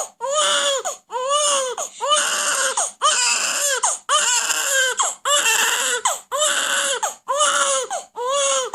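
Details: Crying of two babies, a newborn crying loudly and a 2-month-old, with music in the background: infant crying.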